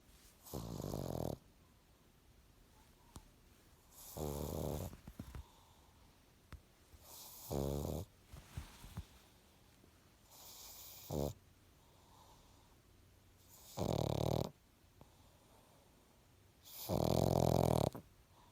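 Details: Pug snoring: loud, rattling snores roughly every three seconds, about twenty a minute, with quiet pauses between; heavy snoring in a sleeping flat-faced dog.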